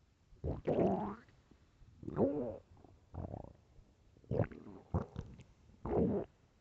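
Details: Hunger stomach growling (borborygmi): loud gurgling, squeaking rumbles in several bursts from the belly, described as starving; normal.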